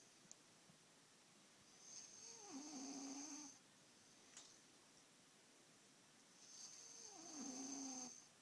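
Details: Snoring, keeping his father awake: two slow, rasping breaths about five seconds apart, each ending in drawn-out buzzing tone, quiet room.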